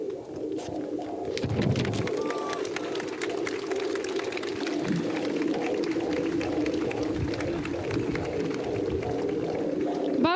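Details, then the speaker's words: Fetal heartbeat on Doppler, mother's eighth pregnancy, played through a loudspeaker outdoors at a public march; rapid, rhythmic whooshing pulses of the baby's heartbeat. "Niech ten dźwięk się niesie daleko, na całą Polskę, a przede wszystkim tam na wiejską. Niech oni usłyszą to wspaniałe, piękne bicie serca."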